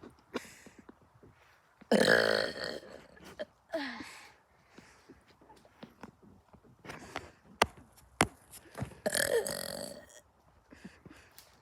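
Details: Burping: several belches of varying length with quieter clicks and rustling between them in a quiet room.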